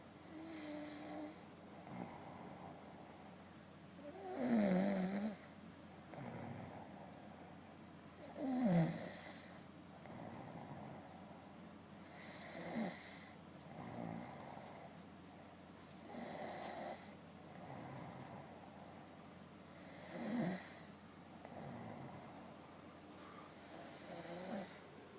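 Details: Adult snoring: rhythmic, about 15 breaths per minute, with louder rattling snores on some inhalations.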